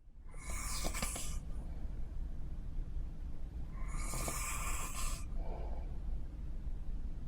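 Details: Recorded on a cruise: two hissing, snorting breath noises about three seconds apart over a steady low engine-like rumble; consistent with snoring.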